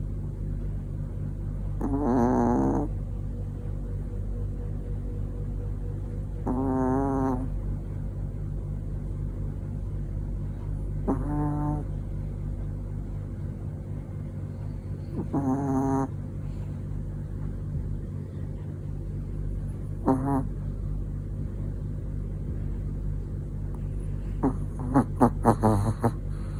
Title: Snoring Chihuahua🤥Sweet dream😴😴#funnyvideo #supercute #fofo #pet #chihuahua